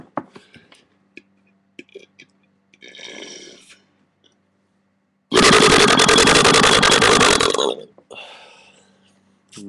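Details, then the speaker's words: Voluntary burp in a burping challenge, aiming for length and loudness: one long, loud, rumbling belch lasting about two seconds, with short quiet noises before and after. "straight off the bat one burp for you there is no way you can be me you like that one that was length I could go for loudness my neighbors heard that one"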